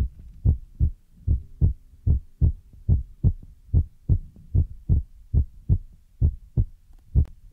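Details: ASMR ear-massage recording with feather rod and brush sounds; steady paired low thumps about 70–75 a minute with a faint hum behind: heartbeat.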